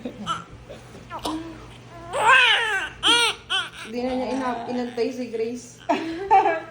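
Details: Newborn baby girl just after vaginal delivery: strong, high-pitched cries in short bursts, with adult voices and room noise in the background; vigorous normal first cry.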